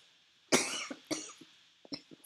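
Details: Adult gives two sharp coughs in quick succession, then a few soft throat sounds; cough.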